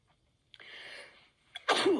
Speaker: It's like, excuse me, cough and sneeze all at once.